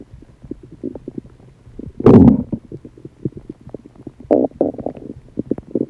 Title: loud digestive noises